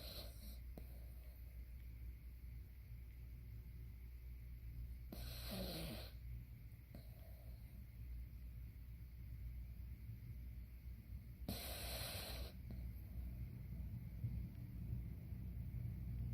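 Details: Three-year-old miniature poodle snoring while asleep: two short, noisy snorting breaths about six seconds apart over a steady low room rumble; snoring.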